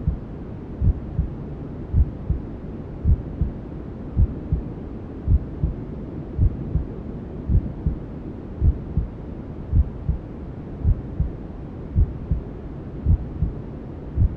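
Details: Sleep sound for newborns: regular low thumps, about 54 a minute, under a steady muffled rushing noise, imitating a mother's heartbeat and sounds heard inside the womb.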